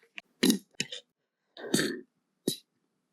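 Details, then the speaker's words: Adult with retrograde cricopharyngeal dysfunction (R-CPD), 2.5 weeks into rehabilitation exercises, belching after drinking water; several short, soft burps, weak and lacking deep resonance, yet relieving. "It's the end of July, it's been two and a half weeks since I've been doing the exercises and I'm still burping just as well. I'm going to show you how I burp today."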